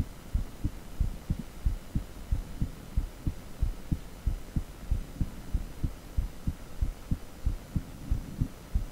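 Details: Heartbeat sound from an echocardiogram (heart ultrasound) Doppler: steady, regular low thumping pulses at about 92 per minute.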